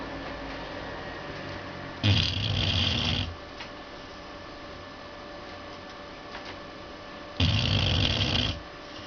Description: My 1 year old beagle sleeping and snoring under the workbench.